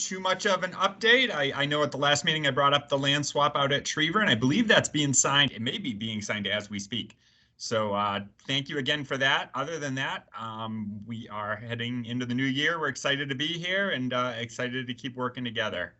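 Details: Adult male speaker; Normal speech.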